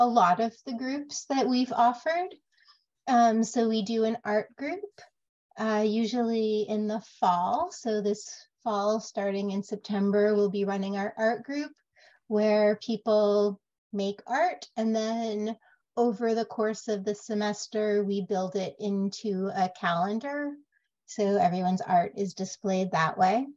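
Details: Adult woman speaking; Normal fluent speech.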